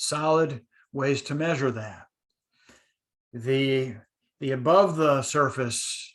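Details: Adult man who identifies as a person who stutters; stuttering.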